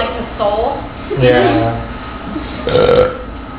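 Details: Two adults compete for the best "trucker burp" after a night out on 6th Street and Whataburger: three loud, drawn-out guttural belches in a row, with voices nearby; burping.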